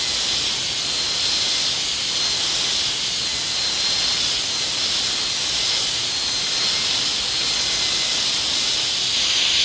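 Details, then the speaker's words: Steady, loud, high-pitched hiss and whine with water spray from a high-speed dental handpiece doing occlusal reduction on a dentiform mandibular molar, one island at a time, during a full cast gold crown preparation. "It is critical that the orientation of the rotary instrument is adjusted for each individual component of the reduction."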